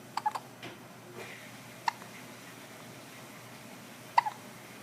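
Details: Six-day-old baby boy with hiccups just after a big feed: brief, sharp hiccup clicks, some in quick pairs, at irregular intervals in a quiet room; hiccups.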